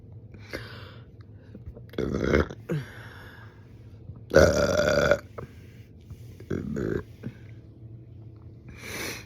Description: Big hiccups and wet liquidy burps.